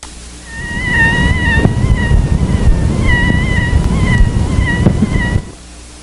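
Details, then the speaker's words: Bronchial leak squeak from a pleurocutaneous fistula, recorded without a stethoscope directly over the fistula during a sustained Valsalva maneuver: sustained high-pitched wavering squeak, higher-pitched in smaller fistulas. "the squeak is a high pitched sound over the affected chest area during a sustained valsalva maneuver the pitch being higher in smaller fistulas than in larger fistulas"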